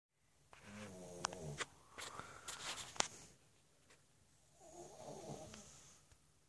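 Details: A pug snoring after playing with a dachshund: snorting, rattly breaths with a low vibrating snore, then a softer snoring breath, typical of a flat-faced dog asleep.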